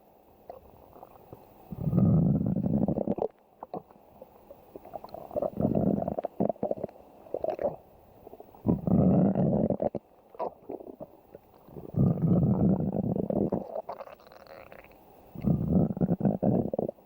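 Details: Stomach growling (borborygmi): repeated low rumbling, gurgling bursts of about a second each, several in sequence.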